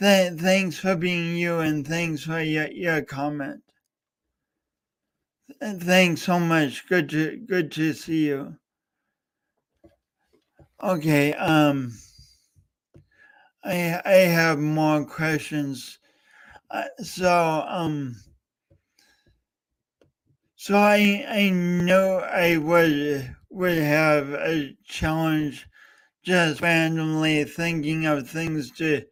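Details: Adult host with a speech impediment, coached for years, attempting to talk live for three hours as a personal challenge. Finding: stuttering (speech disfluency).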